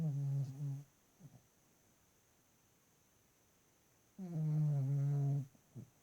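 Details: 2-year-old female Ruby Cavalier King Charles Spaniel snoring at night by owner's ear: two long, low, droning buzzing snores with brief soft snorts in quiet room.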